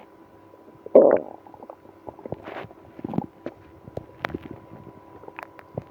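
Gurgling rumbles and brief squeaks from the belly: active bowel sounds, stomach growling in irritable bowel syndrome.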